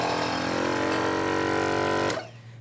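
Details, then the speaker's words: Home suction unit tested by suctioning saline through a red rubber catheter into the canister: steady motor drone with constant hum for about two seconds, then drops off; suction unit running properly, no leaks. "all I'm going to do is turn the unit on and make sure that I can suction sailing through and that it ends up in the canister"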